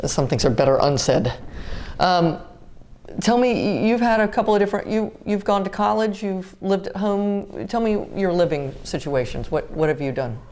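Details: Adult woman; typical speech.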